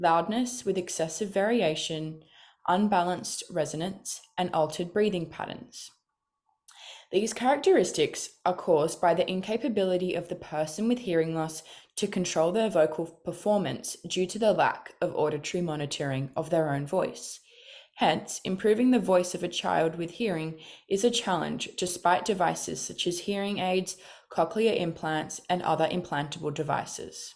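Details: Adult speaker; normal speech.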